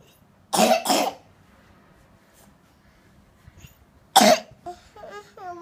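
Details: Young child who complains of pain and has a runny nose, being taken to the doctor: three short harsh coughs, two together and one after a pause, then brief child voice in a quiet room.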